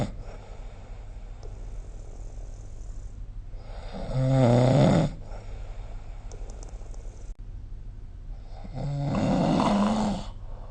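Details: Two loud, vibrating snores about five seconds apart from a sleeping adult, quieter breathing between, recorded with the SnoreLab app; heavy snoring.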